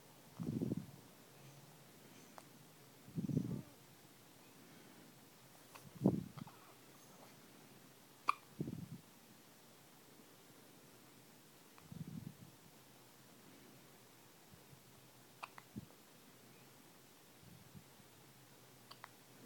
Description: There are not many things cuter than baby hiccups